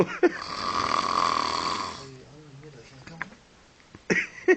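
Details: Loud, rough snore at the beach filling the first two seconds, followed by quieter sounds, laughter and voices nearby; snoring.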